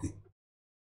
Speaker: Oh, you hear the dog having a bit of a cough up? He's having a bit of a furball time. He's eating a bit of bone and he's trying to cough it back up, bless him.